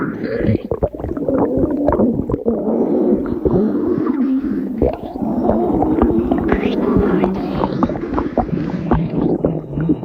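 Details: Stomach growling (borborygmi): continuous low gurgling and groaning with frequent bubbly pops and squeaks, ordinary gut sounds.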